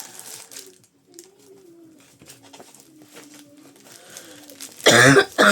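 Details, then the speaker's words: Woman ill at year's end with a persistent dry, irritative cough unrelieved by syrups; quiet room with faint voice, then a loud harsh dry cough burst near the end. "Non là c'est vraiment de la tou sèche mais j'en ai aucun qui me calme. Alors c'est de l'irritation maintenant."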